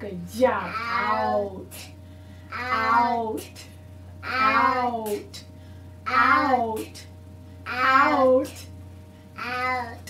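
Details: Young boy with childhood apraxia of speech in a therapy session targeting rate and rhythm, repeatedly imitating a practice phrase after a delay: childhood apraxia of speech.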